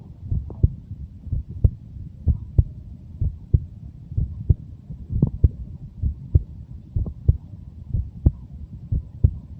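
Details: Normal heart sounds.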